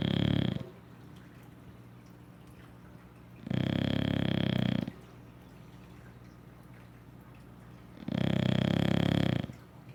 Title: Rygg English Bulldog snoring his butt off after a ruff day of doing nothing....